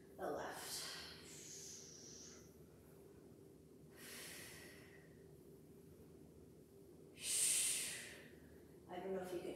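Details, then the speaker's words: Sleeping pet dog snoring in a quiet room during a home workout, with rhythmic noisy snorting breaths about one every three to four seconds. "but my assistant is snoring away over there hopefully you've got some good music playing and you can't hear the puppy dogs"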